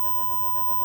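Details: Mediana defibrillator/monitor in ICU nurse training: steady high-pitched charging tone ending in a brief burst as a low-energy demonstration shock is delivered.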